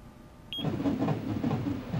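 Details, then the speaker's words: In a TV drama prenatal exam scene, a doctor listens after an ultrasound reported as normal: a short beep, then rapid rhythmic whooshing pulses of a fetal heartbeat on Doppler ultrasound. "Bitti mi? Kalp sesini de dinleyelim."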